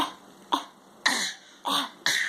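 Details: A young girl gives several short, light, deliberate coughs in quick succession, a pretend cough made so that she can have water.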